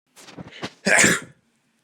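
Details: Several short sniffing breaths and false starts, then a single sharp, hissing burst of air out; a stubborn sneeze.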